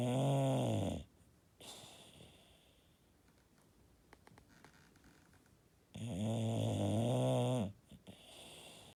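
Two loud, deep, rattling snores on breathing in, about five seconds apart, with quiet pauses between; typical flat-faced dog snoring.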